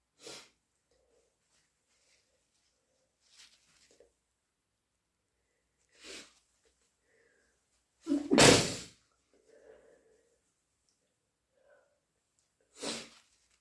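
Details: Cat allergy sneezing, the first sneeze induced and the second natural: several short sneezes spaced a few seconds apart, then a loud nose blow and one more sneeze.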